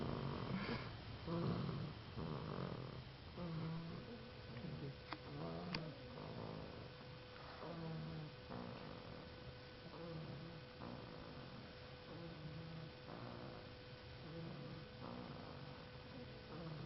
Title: Funny Dog Snoring